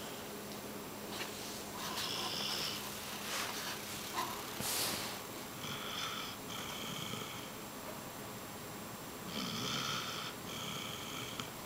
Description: Lilly is our little princess snoring Basset Hound. She is so girly but when she sleeps the beast comes out!